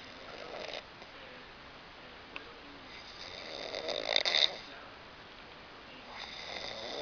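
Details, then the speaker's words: Man recorded asleep gives harsh, hissing snores recurring every few seconds, one louder and rougher than the rest; loud snoring. "Ya me escuchó, ya me escuchó, ya me está roncando."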